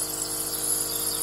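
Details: Nebulizer treatment of a pet dog: steady motor hum with constant airy hiss of a nebulizer compressor running.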